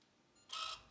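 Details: Brief mechanical click and whir as phoropter lenses are switched during subjective refraction in a real advanced eye exam, the patient comparing options "one or two" for letters and circles: phoropter lens change.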